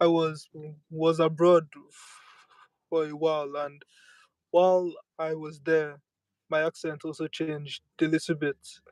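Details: Person who says they stammer and accepts living with it rather than using avoidance strategies; stuttering.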